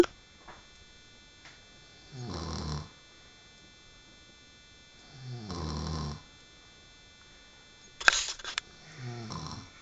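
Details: Adult woman snoring during sleep: slow, rough rattling snores on the in-breath, separated by quiet pauses of a few seconds, with a brief click between. Snoring.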